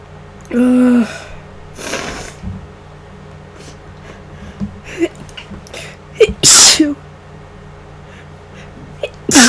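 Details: Several sharp, explosive, deliberately induced sneezes with breathy intakes between them, in a person sick for about five days and worsening, with nasal congestion starting today; unsure whether it is flu or a cold.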